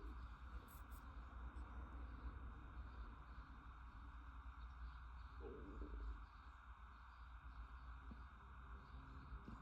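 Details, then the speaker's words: Speaker remarks hearing their stomach rumbling while painting: against steady low room hum, a brief low gurgling growl rises once; stomach rumbling (borborygmi). "can hear my stomach rumbling."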